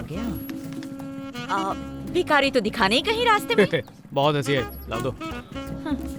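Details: Adult speaker, dubbed film dialogue; normal speech.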